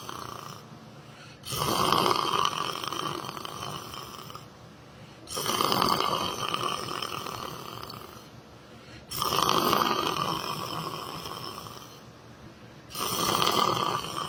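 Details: Person sleeping while sitting down: loud, rasping snores about every four seconds, roughly 15 a minute, each fading out slowly; snoring during sleep.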